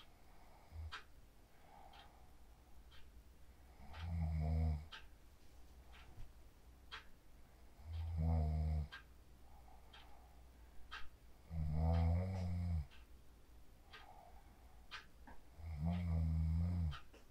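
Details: Sleep snoring recorded on a mobile phone after practicing the 4-7-8 breathing technique: four deep, rattling snores at roughly 15 breaths a minute, quiet exhalations between, faint clicking background noise.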